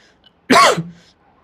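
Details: A single short, loud voiced burst, probably a deliberate imitation of a sneeze, demonstrated by a person in a French vocabulary lesson; likely simulated sneezing rather than a real sneeze.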